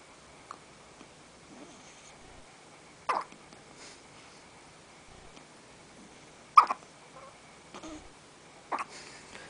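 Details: Two people hiccuping in turns, one following the other like an aftershock, with a third person nearby: four short, sharp hiccups a few seconds apart in a quiet room, with faint movement.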